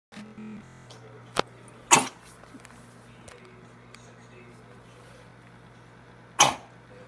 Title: Doge coughing